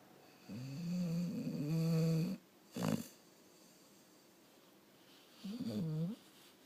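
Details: Low droning, vibrating breath sounds with a brief snort in a quiet room: a dog snoring.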